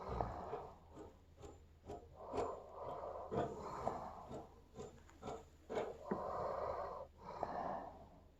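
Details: Repeated rough, congested nasal snorting breaths at about 13 a minute from an old dog asleep; snoring.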